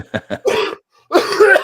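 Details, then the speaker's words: Adult sick all week with a terrible cough: a run of about four coughs, two short and two longer and harsher, a nagging cough. "That sounds like a nagging cough, but I'm okay."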